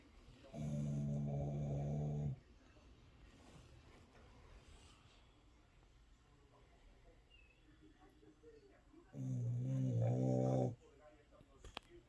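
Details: Tired Shepsky (German shepherd–husky mix) dog snoring: two long, low, vibrating snores about eight seconds apart with quiet breathing between.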